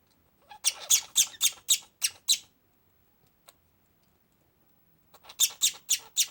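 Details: Parakeet with pneumonia, earlier noted with slight worsening wheezing, a clicking noise on every breath and sneezing attacks: two runs of rapid, sharp, high-pitched coughs.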